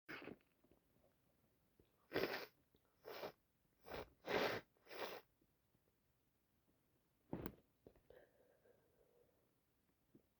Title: Day 2 of cold , need someone help me with this snotty mess #snotty #achoo #cold #sniffles #snot